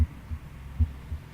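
Low, regular paired thumps, a 'lub-dub' rhythm at about 75 beats a minute, with no added sounds between beats: normal first and second heart sounds.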